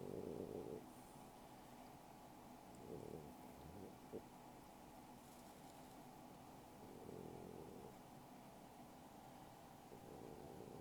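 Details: Sleeping French Bulldog: quiet, rough breathing noises every few seconds; snoring.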